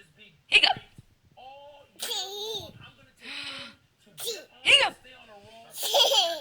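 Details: Several abrupt, sharp hiccup bursts, apparently the recorder's own, among a girl's laughing and giggling as she responds to the hiccups.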